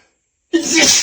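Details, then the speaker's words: One loud, explosive sneeze with a sharp airy burst, part of a long run of repeated sneezes. The person says they can't stop sneezing and that the sneezes are wet. "Gonna sneeze again. Phew. I can't stop. I can't stop sneezing."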